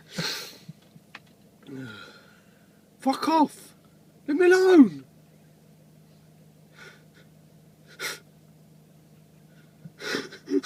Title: Tourette's sneezing